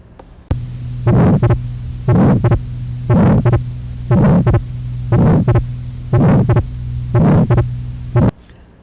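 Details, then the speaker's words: Lecture auscultation example, atrial septal defect heard at left upper sternal border: regular heartbeat near 60 a minute with a soft whooshing systolic ejection murmur from increased pulmonary valve flow, like mild pulmonary stenosis, and wide fixed split second sound. "This is a very typical auscultation findings in ASD. You can hear the systolic ejection murmur at left upper sternal border, and also wide fixed splitting of a second sound."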